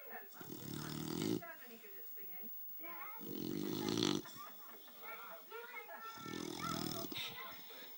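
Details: Staffordshire bull terrier (staffy) dog asleep, with loud rumbling snores and squeaky, whistling breaths between, about three in eight seconds; ordinary snoring.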